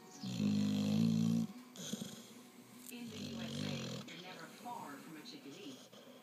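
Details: Dog fast asleep snoring: a loud rumbling snore followed by softer snorting breaths.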